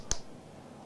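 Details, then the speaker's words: Research demonstration of transcranial magnetic stimulation over the brain's speech area while the subject recites Humpty Dumpty: one sharp click as the magnetic coil fires a single pulse, then quiet room noise. "now words mean everything to me but now I'm going to have the speech area of my brain turned off with a giant magnet"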